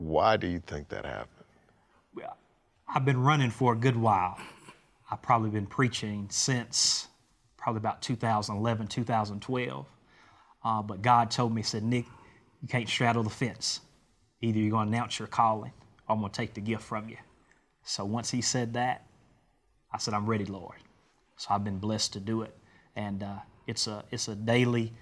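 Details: Adult man speaking; normal voice.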